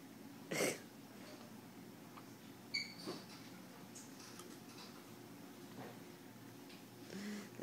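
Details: A few brief, sharp hiccup sounds at irregular intervals from a dog, over a quiet room background: hiccups.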